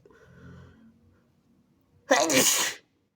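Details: Person (he/they) deliberately inducing sneezes and trying to hold them back; they report wet sneezes, a bad tickle, coughing and some blood when blowing. A soft muffled intake and pause, then one sudden forceful spraying burst; single partly held-back sneeze.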